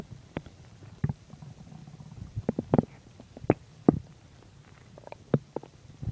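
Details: Irregular gurgles and soft pops from the abdomen over a low rumble: ordinary bowel sounds (stomach growling) while digesting chicken and milk.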